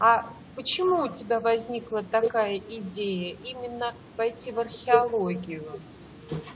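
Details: Adult female speaker; no speech disorder.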